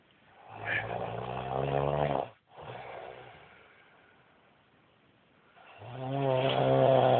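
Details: Sleeping adult husband snoring badly: long, deep, buzzing snores on each breath in, with a quieter breath out between.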